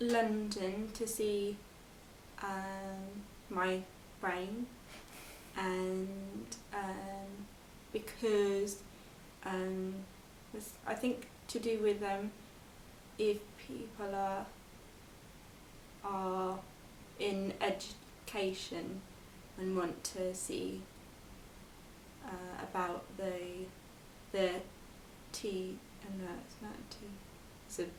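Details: 22-year-old woman with expressive aphasia after a stroke at school at age 18, recorded four years post-stroke; her speech has improved, but reading, writing and numbers remain difficult.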